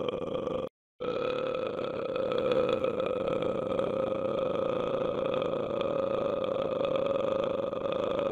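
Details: Custom-made burping sound effect: a long, drawn-out, steady-pitched burp after a brief pause; belching.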